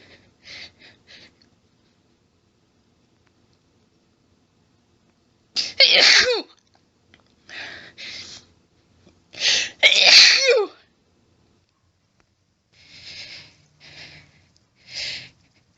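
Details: Female after many stifled sneezes, nose itchy and burning, sneezing into a washcloth: sharp, explosive, loud, wet sneezes in clusters, some with breathy intake before; repeated sneezing.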